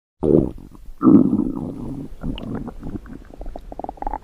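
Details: Female stomach growling sound effect: gurgling, bubbling rumbles (borborygmi) that rise and trail off over a few seconds.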